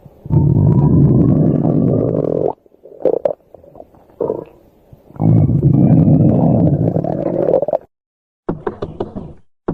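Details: Stomach growling (borborygmi) while sleeping: two long, low rumbling gurgles separated by quieter bubbling sounds.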